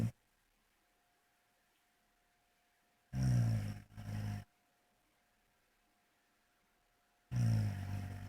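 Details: Heavy snoring: deep, loud, rumbling snores separated by silent pauses of several seconds.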